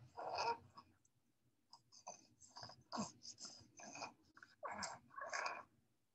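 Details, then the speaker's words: Tiny infant, about two to three months old, with laryngomalacia: inspiratory stridor with low, snore-like grunting and high-pitched squeaky crowing sounds in between. "it's like the he started out with the granting almost like a snore confessing granting Center and then in between, he has a high pitch squeaky sounds."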